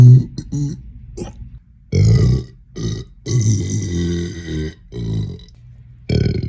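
A run of about six loud, deep, drawn-out burps in a small room, some long and rumbling: repeated belching.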